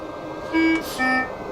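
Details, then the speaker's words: Two steady electronic alarm tones over quiet room noise: the high-pressure alarm of a Ventway Sparrow turbine ventilator, triggered when the patient coughs. "will see a c and maybe as happened a high pressure alarm"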